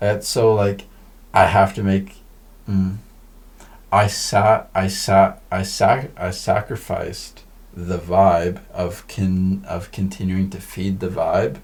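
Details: Man who says he stutters: stuttering.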